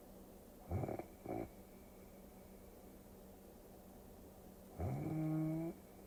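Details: Two short snorts, then a longer rattling snore over steady low room hum, played as a relaxing sleep-aid recording; ordinary snoring.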